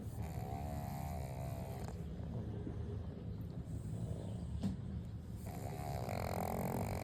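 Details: Sleeping pug snoring: a continuous low, snuffling snore with a few higher whistling phases mixed in, a calm, comforting snore.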